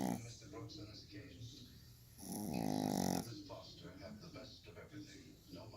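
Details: Sleeping dog snoring: rough, rattling snoring bursts with one louder growly stretch in the middle; ordinary dog snoring.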